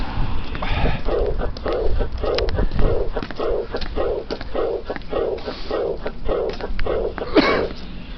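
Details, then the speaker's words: Aortic regurgitation: diastolic decrescendo murmur with a soft, blowing quality that fades after each beat. "That's because this is a diastolic murmur. Its shape, decrescendo, and what about its quality? I think many people would agree that it sounds glowing in nature."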